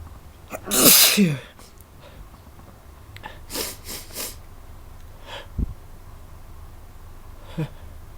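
One loud, explosive sneeze with a sharp intake before it, then quieter sniffs and breaths in a small room.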